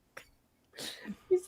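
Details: Adult man's hiccups: a sharp, brief click, then a rustling breath and a short, squeaky voiced gulp, likened to a cartoon character hiccuping.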